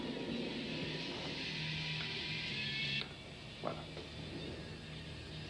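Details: Simulation of noise-induced hearing loss from loud music: concert music plays fully, then abruptly turns muffled and quieter with its treble stripped away, as heard through a damaged ear.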